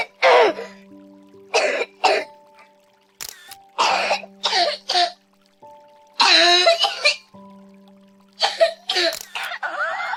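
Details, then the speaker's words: Series of infant cough types over soft music: barking dog-like croup cough, wet phlegmy cold cough, dry asthma/allergy cough, flu cough, wheezing bronchiolitis cough, and whooping cough; harsh barking and wet coughs of differing character. "નમસ્કાર બાળકને ખાંસી છે પણ કઈ પ્રકારની છે એ ખબર છે કેમ કે બધા અવાજ એકસરખા નથી આવતા તો ચાલો સાંભળીએ"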